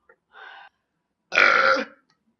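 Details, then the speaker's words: An adult woman burping after drinking soda in a burping contest: a faint short burp followed by a loud, long, rumbling belch. "I felt better though after I burped all that out. I felt like I lost 10 pounds."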